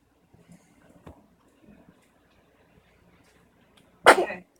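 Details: Newborn boy about 5.5 hours old gives a single sudden, sharp sneeze after quiet rustling and faint voices.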